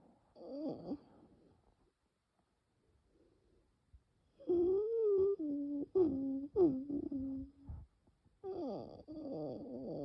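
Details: Labored breathing with musical, whistling, pitch-shifting wheezes during bronchial spasm in a very severe nocturnal asthma attack, without coughing; airways later reopen with rescue medication; wheezing.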